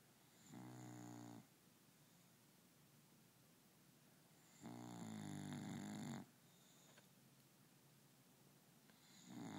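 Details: Dog snoring: two long, buzzing, rattling snores on in-breaths about four seconds apart, with quiet breathing between; ordinary snoring.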